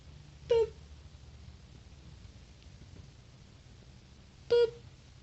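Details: Two brief, high, squeaky chirps about four seconds apart over low room hum; hiccups in a small animal.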